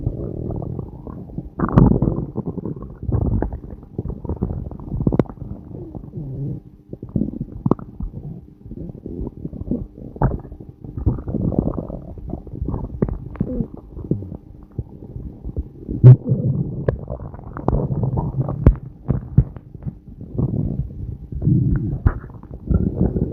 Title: stomach growling!!! n.n